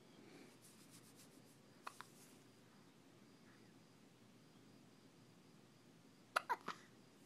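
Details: Male with frequent hiccups: about five brief, sharp, abrupt catches in two short clusters in a quiet room; hiccups.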